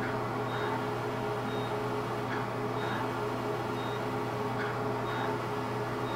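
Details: Live fractional CO2 laser skin resurfacing (DOT therapy) under local anesthesia on an adult woman's neck: steady machine hum with faint regularly spaced high beeps as pulses fire; fractional CO2 laser firing.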